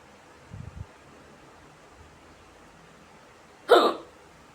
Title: Women starts having cute hiccups after smoking a cigarette #hiccups